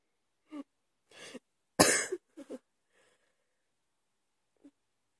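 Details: About five short, separate coughs in a quiet room at 2 AM after waking in the night; one cough is louder and harsher than the rest.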